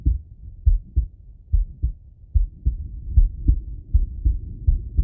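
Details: Adult male heartbeat via stethoscope auscultation: steady paired lub-dub thumps at about 72 beats a minute with soft breathing noise underneath; normal heart sounds.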